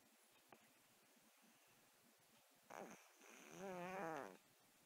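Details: Congested snoring in a cat with a cold and a blocked nose: a quiet room, then one rough snoring breath with a wavering, whistly tone.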